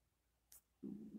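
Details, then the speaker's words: Faint click, then a low, bubbling rumble of about half a second in a quiet room, from the stomach of an adult woman lying in bed with chronic diarrhea and a family history of Crohn's disease (not diagnosed): bowel sounds. "my stomach just I don't know if you'll be able to hear it but my stomach's just been gargling"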